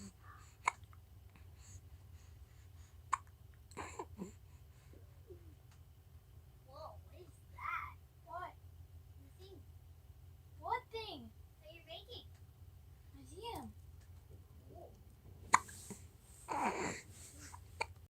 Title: more hiccups